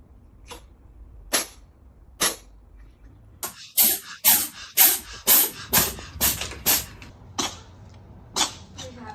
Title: Does your cat sneeze like this too #funny #cat #cute #pet #animals #pets #catlover #cutecat